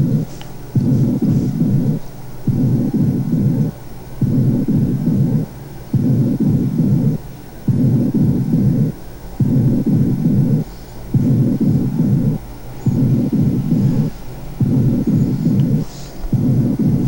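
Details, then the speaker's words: Auscultation over healthy lung while the patient whispers "1, 2, 3": muffled, drum-like low bursts with nothing intelligible, normal absent whispered pectoriloquy. "Aquí le estamos pidiendo al paciente que cuchichee 1, 2, 3. Y vean cómo se escucha como el tañir de tambores, ¿no? Como ruido de tambores, no se entiende absolutamente nada."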